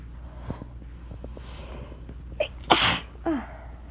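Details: Small sneezing fit on a stormy, rainy day after feeling tickly beforehand: a few quiet breaths and a catch, then two quick sneezes over faint room noise; sneezing.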